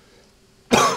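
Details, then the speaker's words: Adult with a cold: near silence, then one abrupt, harsh cough burst near the end. "have a cold, by the way. So, I have a cold. So sorry about my voice and the coughing and stuff."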